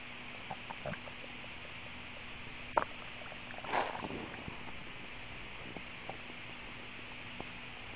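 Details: Stomach and bowel sounds after drinking soda: faint abdominal clicks and a short bubbling gurgle over steady hiss.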